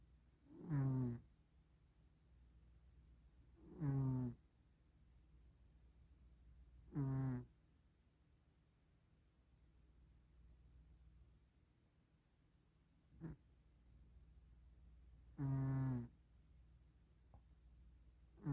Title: Cat snoring away for Christmas #shorts